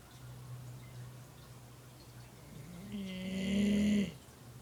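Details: A low hum of breathing rising into one loud, whistling snore from Maggie, a dog sleeping at the office, with steady room noise behind.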